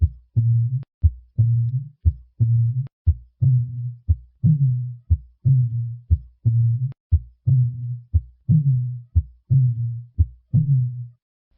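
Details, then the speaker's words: Cooing dove murmur of aortic regurgitation at the left sternal edge, possibly from an everted aortic cusp: regular heartbeat near 60 a minute, each beat followed by a loud, musical, cooing diastolic murmur. "This murmur has a unique auditory signature. Listen to a cooing dove murmur of aortic regurgitation at the left sternal edge."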